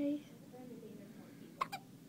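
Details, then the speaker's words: A baby with hiccups that stopped feeding, coming and going; a short vocal sound, a quiet pause, then one abrupt jerky catch with a quick echo-like second click; infant hiccups. "hi can't stop hiccuping oh they're gone they're gone and they're back"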